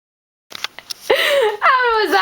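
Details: A female sneezing on demand with no pepper and reporting no allergies, attempting five sneezes in a row: a few quick catching breaths, then a voiced sneeze with a drawn-out falling cry.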